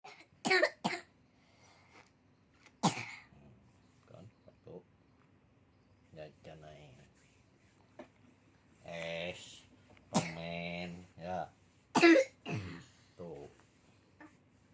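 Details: Child's cough during cough massage: a few sharp coughs mixed with whimpering and crying while an adult speaks quietly.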